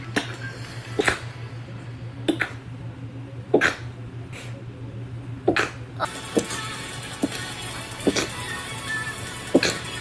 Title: Chinese Girl stifled sneezes